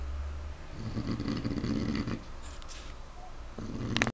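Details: Pig snoring.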